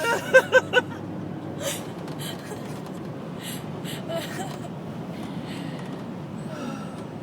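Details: Person with hiccups during a car trip, laughing and in pain: three quick, sharp, voiced gasps in rapid succession, then steady road and engine noise.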